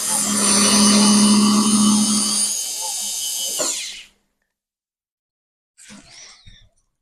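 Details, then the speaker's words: Swiss bone-level dental implant site preparation on a model, mandibular left first molar region: 3.7 mm drill whines, slows and stops, then briefly restarts; intermittent implant drilling. "The next drill to be used is blue colour coded 4.3 diameter drill of 12 millimetre length again इंटरमट drilling following the path of least resistance"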